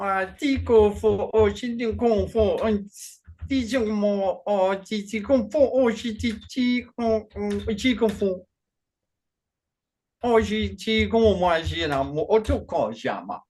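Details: Man with Functional Neurological Disorder and foreign accent syndrome, onset 2019 alongside non-epileptic seizures, accents varying daily without control; today a bout of gibberish with a Chinese-sounding accent. Functional foreign accent syndrome with gibberish speech.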